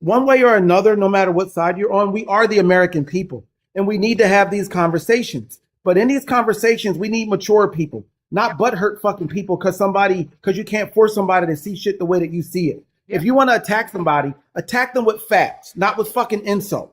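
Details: Adult speaker; no speech disorder.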